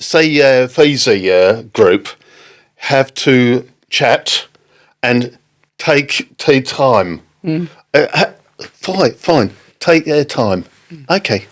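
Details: Adult man with aphasia after a stroke in October 2019, affecting speaking, reading and writing; word-finding pauses, fillers and garbled words; aphasia after stroke.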